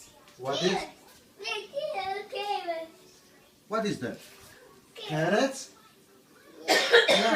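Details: Sneezing competition: several voiced sneeze-like bursts with playful vocal sounds between them; repeated sneezes, possibly put on in play.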